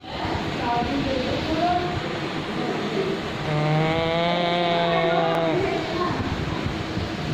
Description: this is very natural if your pug is snoring... you don't have to worry about it.